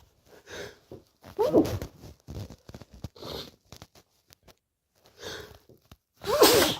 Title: more late night sneezes 🤧